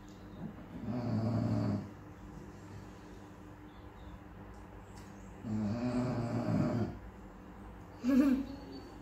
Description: This lazy lump of a bulldog just snores pretty much all the time even when she’s awake lol